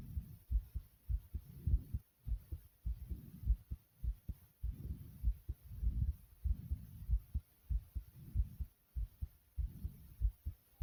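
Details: Normal heartbeat.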